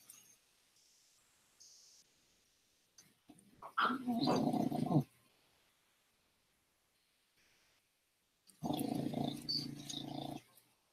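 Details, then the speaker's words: Snoring from a sleeper named Lily, species not stated, recorded during a livestream while the host steps outside. "Please enjoys Lily's snoring. I hope you can hear it."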